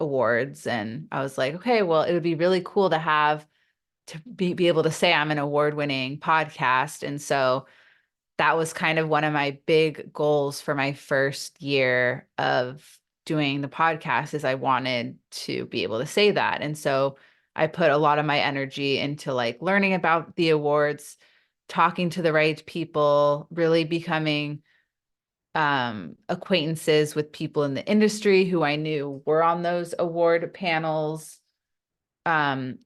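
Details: Adult woman with stuttering whose stutter is not the typical consonant-repetition form and is often misunderstood; she says stress amplifies it; real, unacted speech in a podcast interview: stuttering.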